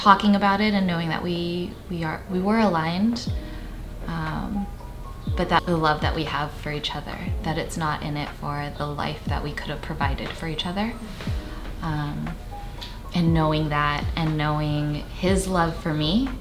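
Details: Adult speaker; Typical speech.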